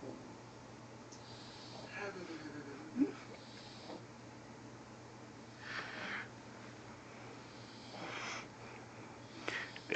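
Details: Repeated rough, snorting breath noises from a person sleeping in a quiet room; a sleep study is suggested. Snoring.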